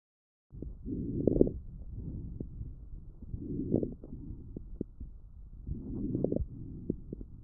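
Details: Child's lungs recorded with an electronic stethoscope: many brief, fine popping crackles clustered within breaths, AI-classified fine crackles, characteristic of bronchitis or pneumonia.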